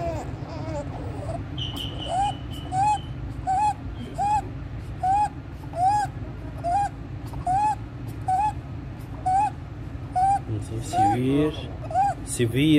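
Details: Inspiratory stridor in a 15-day-old full-term baby: repeated high-pitched crowing on each breath in, about 70 a minute, with suprasternal and intercostal retractions, severe chest indrawing and desaturation, worse with crying and feeding.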